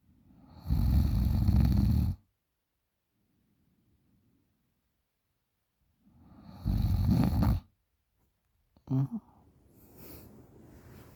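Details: 20-year-old girl snoring very loudly in sleep: two long, loud, low rattling snores a few seconds apart, with quiet breathing between; heavy snoring.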